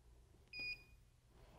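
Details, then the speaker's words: Pro-Select Platinum piezo ultrasonic dental scaler switched on with its power button during setup; a single short, high electronic beep over quiet room noise; device power-on beep. "there's also another way that you can turn the power on by the power button here which also controls the on/off"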